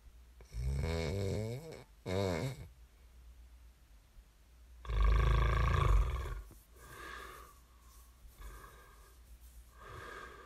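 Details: Loud, rattling snores on breathing in followed by softer breathing out in a quiet room; snoring during sleep, from an ASMR snoring recording.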